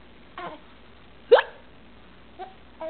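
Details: 4-month-old baby boy with hiccups, seemingly amused by them: one sharp brief hiccup with softer voiced catches around it in a quiet room; hiccups.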